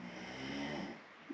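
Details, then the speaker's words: Ordinary snoring heard in the background of an indoor recording: a single low, buzzing, rattly inward snore fades into quiet breathing, with faint room noise. "you can probably hear like sea snoring in the background as always"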